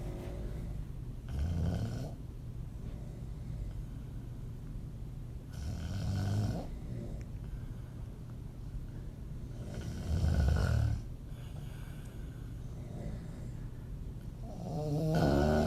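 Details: Loud, rattling low open-mouth snoring from a woman, about every four seconds (roughly 14 breaths a minute), with quiet exhalations between; audio only.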